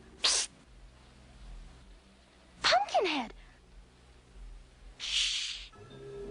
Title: journey back to oz nose tickling sneezing scene